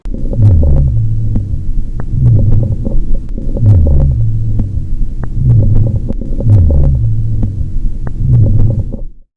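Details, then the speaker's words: Coarse breath sounds (rhonchi) from secretions or fluid buildup in the lungs: low-pitched, rumbling, rattling sounds with each breath. "course breath sounds are the noises you'll hear when the patient has secretions or fluid buildup in the lungs"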